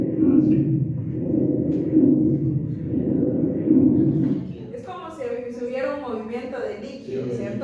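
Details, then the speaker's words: Coarse, low-pitched rumbling breath sounds with each breath: rhonchi from soft mucus secretions moving in the airways as the lung expands on inspiration and contracts on expiration. "eso se produce porque estas secreciones mucosas aclaro son blandas inicialmente por lo tanto cada vez que mi paciente meta aire y el pulmón se expanda esa secreción se va a mover y cuando expire y el pulmón se contrae otra vez es la secreción se mueve por eso es que se desarrollan los ruidos de los roncos"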